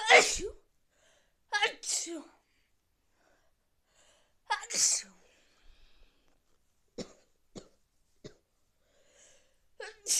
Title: Afwul sneezes cold